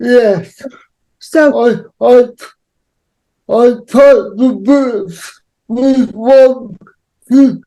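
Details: Adult male with cerebral palsy, real, with dysarthria associated with cerebral palsy.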